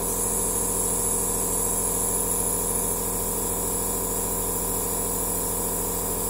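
Continuous motor drone with a steady hiss from a running aerosol machine; normal operating sound of a nebulizer.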